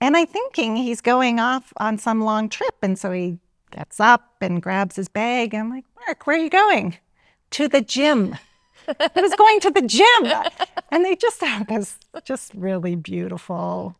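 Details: Adult woman speaking; normal speech.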